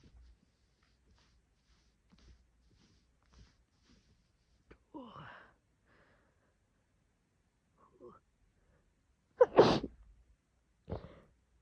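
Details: A woman's messy, wet sneezes: quiet breaths and a build-up, then a loud wet sneeze and a smaller one, with a nose blow at the end.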